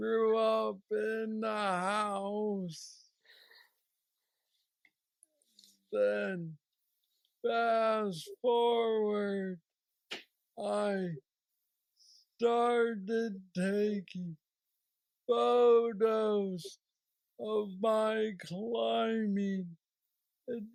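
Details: 46-year-old man with Parkinson's disease diagnosed at 35, about 11 years ago, which he describes as the most aggressive form, with mobility struggles and a deep brain stimulator implanted 2 years after diagnosis; real patient; hypokinetic dysarthria (Parkinson's disease).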